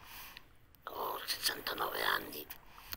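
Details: Adult man from Italy, total laryngectomy two and a half years ago, speaking with a voice prosthesis while occluding his neck stoma with his finger; tracheoesophageal speech.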